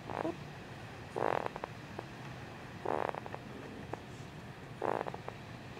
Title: Snoring in SleepyWrap